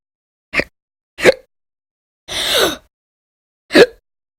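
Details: Persistent bouts of violent, loud hiccups, four abrupt short sharp gulping hiccups about one per second with quiet between; episodes reportedly lasted many hours daily in late December 2019; audio only.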